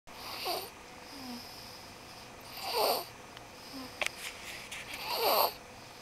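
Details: Three soft, wheezy snores at regular intervals, about 24 breaths a minute, in a sleeping young child (Micah); ordinary snoring.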